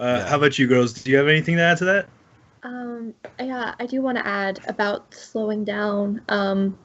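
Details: Two adult speakers in conversation; Normal speech.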